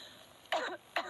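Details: Adult woman gives two short, dry cough bursts, acted as an office mother coughing in a 1999–2000 Benadryl TV commercial, against quiet room noise.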